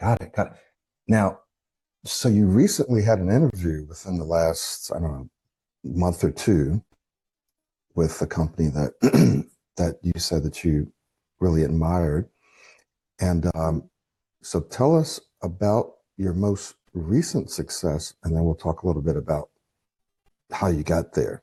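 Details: Adult male speaker; ordinary fluent speech.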